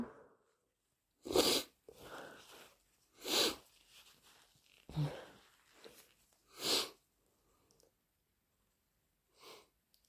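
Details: Several loud, explosive induced allergy sneezes in a row, with short breaths and sniffing between them, plus nose blows.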